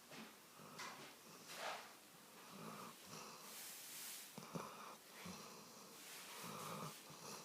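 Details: Small dog with a paw hurt that day, asleep on owner's lap: soft, rhythmic snuffling snores with a faint wheezy whistle on the breaths.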